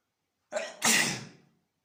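A short in-breath followed by one sharp, hissing burst of air; a single sneeze.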